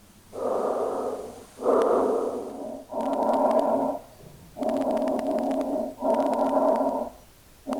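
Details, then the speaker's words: Chest auscultation with a stethoscope while the patient breathes: soft, low rustling breaths, about 20 a minute: normal vesicular breath sounds. "Now, note the intensity of breath sound, which reflects the airflow rate at mouth and may vary from one area to another. Breath sounds are usually louder in the lower posterior lung field."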